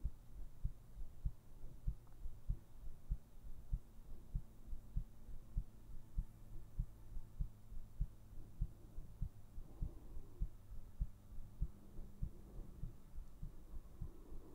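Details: Steady, regular low heartbeat thumps at about 98 beats a minute over a constant low hum; normal heartbeat.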